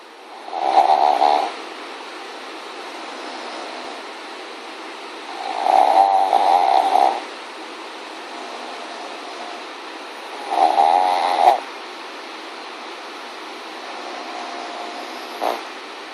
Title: Sushi snores!